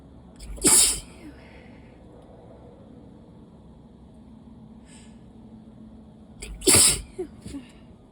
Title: Wet, desperate allergy sneezes